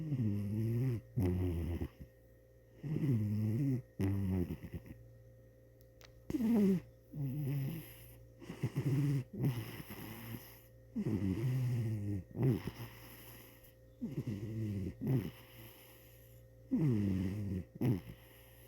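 Rapid, rhythmic snorting snores from a cat, each breath in and out rattling, about 20 breaths a minute, over a steady background hum: snoring.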